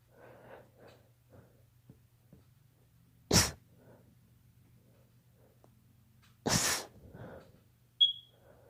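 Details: Two sharp sneezes from a daughter with allergies, with quiet breathing and room noise between; allergic sneezing.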